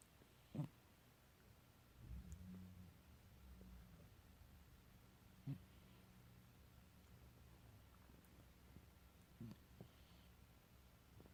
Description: Mostly snoring, but a few other interesting noises as well.